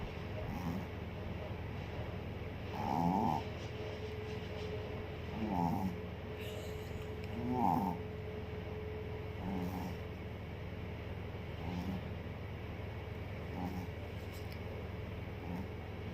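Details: Sleeping dog snoring: soft, fluttering snores recurring every two to three seconds over a steady low hum.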